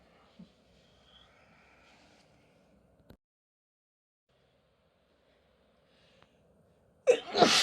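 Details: Person with a cold: quiet room, then one sudden, forceful sneeze at the end; a single sneeze during a cold.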